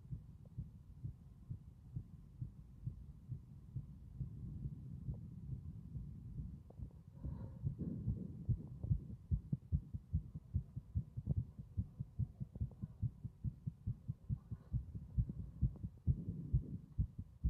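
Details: Strong, steady thumping heartbeat, loud and clear throughout against a quiet room.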